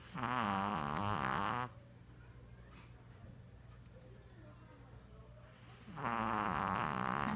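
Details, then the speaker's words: Dog snoring heavily while asleep: two long, loud, vibrating snores on the in-breath, with a quiet pause of breathing between them. "Hachi, you're snoring. Hachi, you're snoring. Hachi, you're snoring."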